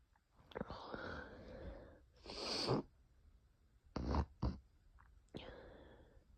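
Several breathy sneezes in a row with sharp bursts between quieter inhalations, part of a sneezing fit.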